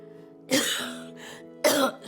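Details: Adult woman with refractory chronic cough, possibly linked to hypersensitive nerves, persisting despite treatment: two harsh, forceful cough bursts about a second apart over soft background music.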